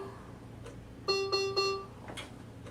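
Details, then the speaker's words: Three short, clear electronic alarm tones in a quiet room from a Servo-i ventilator as the patient is disconnected and reconnected, as for suctioning, after which ventilation resumes. "and it gave me an alarm but it went ahead and went right back into ventilating the patient"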